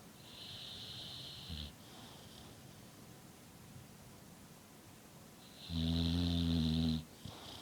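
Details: American Bulldog snoring in sleep: a loud, low, rattling snore on the in-breath between quieter breaths.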